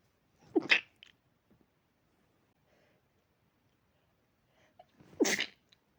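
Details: Dog with possible allergy: two sharp, explosive sneezes a few seconds apart with quiet snuffling between; sneezing.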